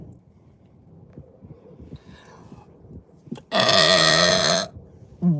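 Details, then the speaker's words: Female burping uncontrollably after drinking Sprite: one loud, long, deep voiced belch lasting about a second, after quiet room noise and faint talk. "wow oh my God that's the Sprite burp right there"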